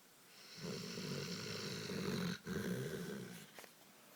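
A long, low, rumbling snore on the in-breath with a brief break, typical of a sleeping dog's snoring.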